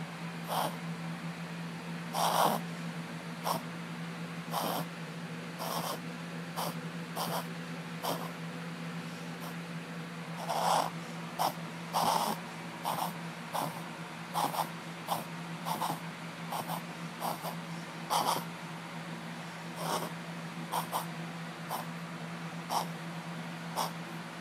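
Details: Dog doing this a lot lately, owner unsure if concerning: repeated short, sharp snorting inhalations over a steady background hum, a run of reverse sneezing.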